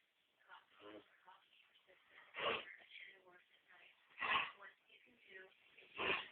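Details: A mixed pit bull dog, whose owner thinks it has kennel cough, gives three sharp, harsh honking coughs amid wheezy, raspy breathing.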